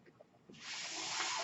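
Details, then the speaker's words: Person speaking while on a mechanical ventilator: a quiet pause gives way to a steady rushing hiss of ventilator airflow. "That noise you're hearing is my ventilator."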